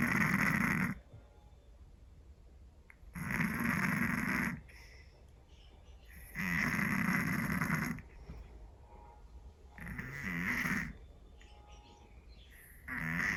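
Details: Scottish Fold cat snoring loudly: rasping snores about every three seconds, around 19 a minute, with quiet breathing between; heavy snoring.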